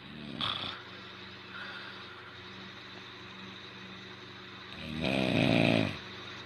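Two rough, rattling snore breaths from a sleeping animal, the second louder and longer, over a low background hum; ordinary snoring.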